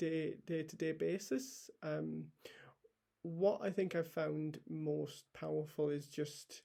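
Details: Adult male paediatric trainee doctor with a real stammer he has had for as long as he can remember; stammering.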